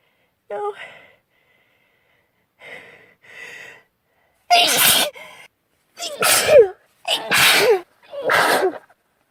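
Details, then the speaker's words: Girl with a persistent nasal tickle: a faint first sneeze, then quieter breathy build-up sounds, then four loud explosive sneezes in quick succession; sneezing. "Such a relief when the tickle goes way. Even for it's even if it's just for a second. And it's always just for a second. Wait, here it is. It's starting again."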